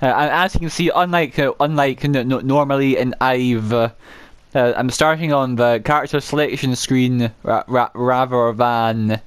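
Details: Adult male gameplay narrator who says he has a stammer he cannot control, particularly on words starting with m and w; repetitions audible; stuttering.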